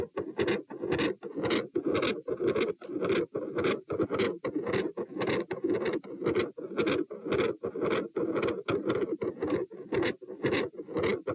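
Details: Auscultation stress test at position P, 90-126-72 bpm across sitting, standing and lying: machinery-like heart murmur, described as intermittent, with loud S2.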